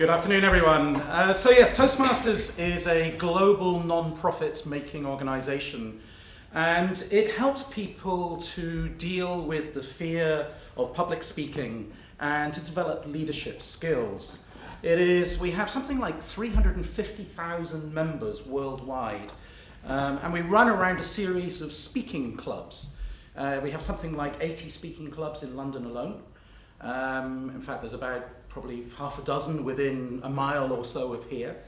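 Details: Adult speaker addressing an audience; ordinary speech.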